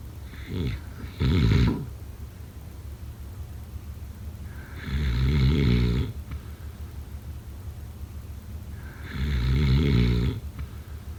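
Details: Snoring.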